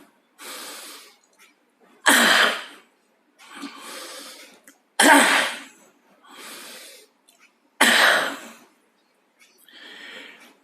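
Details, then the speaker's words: Deliberate forced-cough demonstration, three cycles of a maximal deep audible inhalation followed by one hard explosive cough, shown as self-help first aid during a suspected heart attack. "usaha pertama kita yang bisa kita lakukan adalah melakukan Tarik nafas se maksimal mungkin kemudian baik melakukan batuk sekeras mungkin Contohnya seperti ini"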